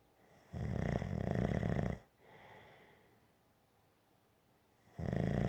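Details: Gentle snoring: rough, fluttering snores on the in-breath, each lasting about 1.5 seconds, separated by a softer exhale and a pause.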